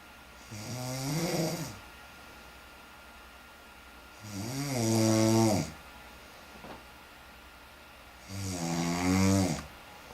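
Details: Three loud, rattling snores with a rough vibrating tone, about 15 breaths a minute, quiet between them; snoring.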